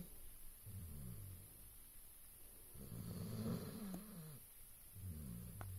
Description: Only a dog can be cute when he snores, a bloke would get battered for it lol